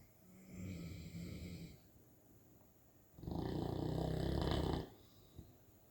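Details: St. Bernard puppy asleep: two loud, rattling snores ending in a short snort in a quiet room; snoring.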